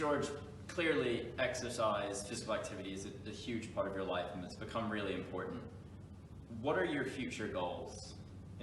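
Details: Adult man; normal speech.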